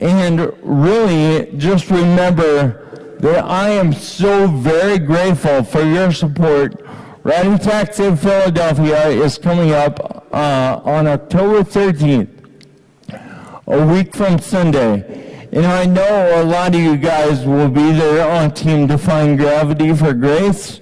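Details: Ataxic dysarthria in an adult man with Friedreich's ataxia, diagnosed at age 17, speaking to an audience of students.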